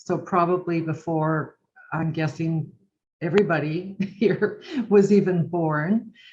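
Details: Adult woman speaking; Normal fluent speech.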